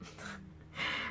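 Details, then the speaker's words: A cat's ordinary, harmless snoring in a small room: a brief, rough snorting breath with a low rumble, then a louder airy rush. "Si vous entendez ronfler, c'est mon chat. C'est tout à fait normal."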